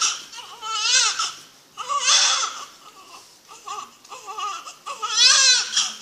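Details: A newborn's first cries at birth, the couple's first child: loud, high-pitched crying in repeated bursts with brief pauses, a normal vigorous newborn cry.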